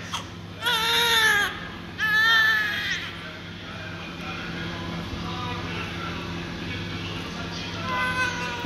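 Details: Newborn just after umbilical cord cutting and clamping: two loud, high-pitched cries with big open mouth, then quieter whimpers over room hum; strong newborn cry.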